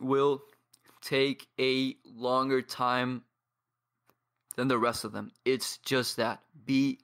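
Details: 22-year-old man from Paraguay who has stuttered for as long as he can remember and trains daily with a community of stutterers; pauses and blocks; stuttering.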